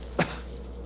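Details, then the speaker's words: Simulated by an examiner during a cranial nerve examination: a single brief, harsh cough imitating the choking cough of a patient with bulbar weakness (palate, tongue and lip dysfunction), raising concern for motor neuron disease. "if my pallet doesn't move normally you'll begin to hear a nasal sound like this and furthermore the patient will be coughing excuse me"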